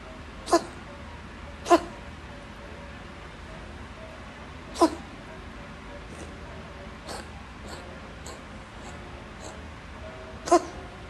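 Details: Cat during an asthma attack: short, sharp, slightly wheezy hacking coughs in bursts. Finding: feline asthma cough.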